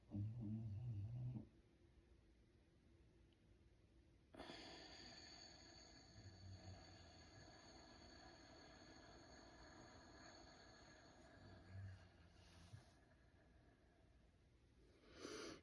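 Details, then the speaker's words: Low, rumbling snores every few seconds from a sleeping dog, partly under a steady breathy hiss in a quiet room; dog snoring. "so give that a try yes you can hear my dog snoring in the background"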